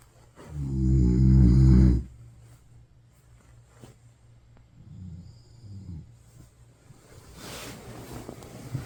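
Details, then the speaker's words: Boyfriend's severe snoring before CPAP, sleep apnea on polysomnography at 70 apneas per hour: one very loud, rumbling snore on an in-breath, then quieter breathing noises and faint room sound. "남자친구가 알고 보니까 코골이가 진짜 너무 심한 거예요. 어느 정도냐면요."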